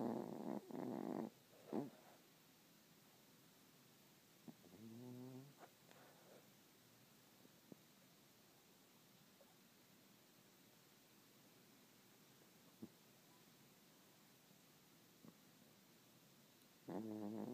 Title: Snoring Doggie